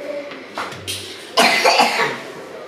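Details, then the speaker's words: A child who has caught a cough going around gives a single loud, harsh cough burst, with faint room noise before it. "złapał kaszel bo teraz taki kaszel dziwny panuje"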